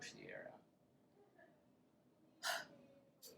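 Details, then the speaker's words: Demonstrated huff (forced expiration technique), part of the active cycle of breathing for airway clearance: a medium breath in, then one short forceful open-mouthed breath out through an O-shaped mouth, throat open, driven by stomach muscles, to move secretions up for coughing. "take a medium breath in make an O shape with your mouth keep the back of your throat open relax your upper chest and shoulders and just use your stomach muscles to push"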